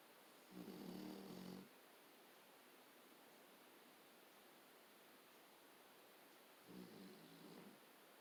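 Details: Akita dog snoring, owner says loud enough to drown out the television: two loud rumbling snores about six seconds apart, with quiet room hiss between them.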